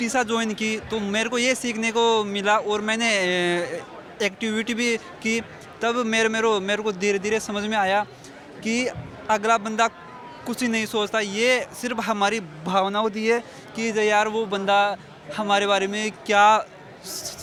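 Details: Adult man who stammers and belongs to a stammering support group; word repetitions heard; stuttering (stammering).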